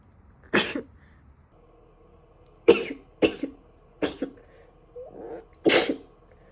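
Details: Female sneezing during a bad cold: five abrupt, explosive sneezes, some in quick succession, with a faint hum in the room between them.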